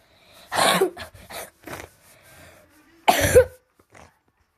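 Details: Person who says they are ill with a cough: two harsh coughs a few seconds apart, each with a short burst, followed by quiet throat sounds.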